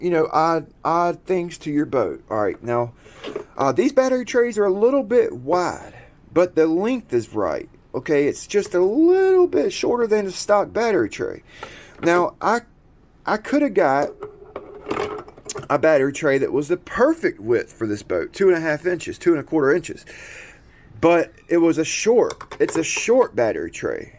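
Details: Adult man who describes himself as someone who stutters and repeats himself a lot; stuttering.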